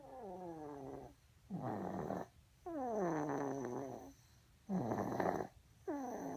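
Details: Snoring, labelled "11m" (possibly age), with loud, buzzing, fluttering snores on both inhalation and exhalation, about five breaths in six seconds.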